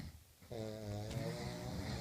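A single loud, buzzing snore on a breath in, in a small room; ordinary snoring.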